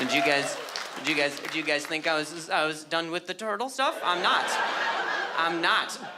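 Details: Adult male with stuttering that began at age 20 after a softball struck his throat, causing a minor vocal contusion and a major concussion later diagnosed as traumatic brain injury; audible word repetitions; stuttering.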